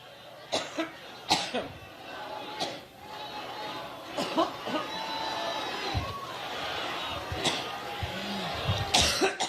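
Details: A woman coughing repeatedly, interrupting her Labor Day speech in Cleveland, Ohio, said to last four minutes; repeated bursts of dry coughing with crowd noise behind; coughing fit.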